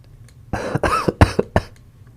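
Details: Man who is actually sick with a cold-like illness (fever, tickly throat; tested COVID-negative), acting in a caretaking roleplay: a burst of about five harsh, fairly dry coughs in quick succession.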